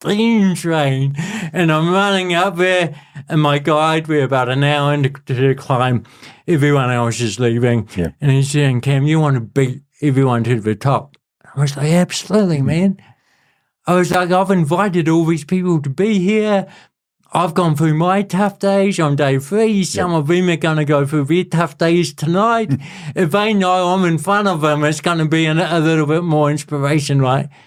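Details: Adult male born with cerebral palsy, congenital and lifelong, who calls it a physical disability affecting how messages travel around his body and a speech impediment; real speech; dysarthria (cerebral palsy).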